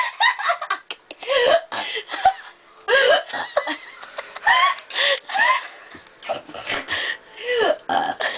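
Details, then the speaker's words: Baby burping: repeated short, voiced gulping and burp-like sounds mixed with infant vocalizing. "Why are you burping so much?"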